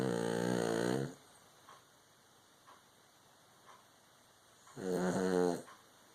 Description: Baby girl fast asleep on me, snoring loudly.